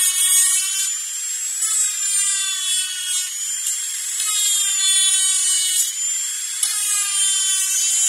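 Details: Dental drill sound-effect recording: shrill high-pitched whine rising and dipping in waves as the drill works.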